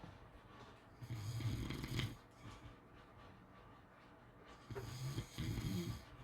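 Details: Two low, rough, rattling snores about four seconds apart with quiet breathing between, in a quiet room; snoring during sleep.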